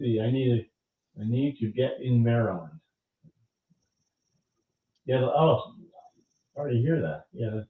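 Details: Adult male stroke survivor who lost his language after the stroke; now has mostly expressive (Broca's) aphasia. Expressive (Broca's) aphasia.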